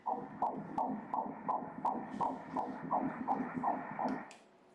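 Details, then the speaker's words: Ultrasound in a pregnancy after a prior molar pregnancy, with a 3.2 × 1.8 cm probable uterine myoma; rapid, regular whooshing pulses at 166 beats per minute: normal fetal heartbeat. "Der er babyen, se på babyen... Hjertet slår... *hjerteslag*"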